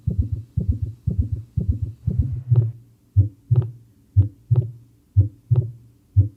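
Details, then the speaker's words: Heart sounds played in teaching on heart failure and acute pulmonary edema, where third and fourth sounds are described as pathological. Low sounds, first fast with extra gallop sounds each beat, then slower and regular at about 60/min. "Bueno, acá les voy a mostrar este los ruidos y los cardíacos. Bien, prestemos atención."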